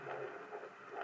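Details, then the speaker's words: Fetal heartbeat at 17 weeks of pregnancy: rapid, rhythmic whooshing pulses at about 130 beats a minute, previously 140; within the 110–160 normal range. "it's got 130 yep last time was 140 yep anything between 110 and 160 is normal"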